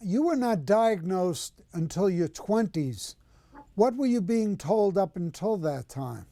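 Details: Adult woman speaking, with a brief reply from a second voice; ordinary speech.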